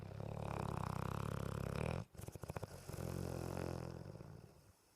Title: Raida snoring & dreaming--- LOUD BULLMASTIFF!!!